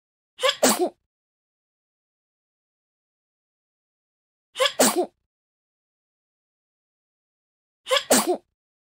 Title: Baby sneezing (sound effects no copyright )